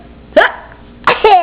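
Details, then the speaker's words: Young child hiccupping at the dinner table, two sudden, short, voiced gulping sounds; a big hiccup. "That was a big hiccup. You're so funny with your hiccups."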